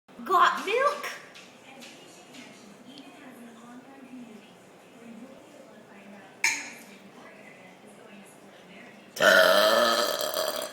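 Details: Burping with milk: loud burps at the start, at about six seconds and near the end, with quieter voice sounds between; burping.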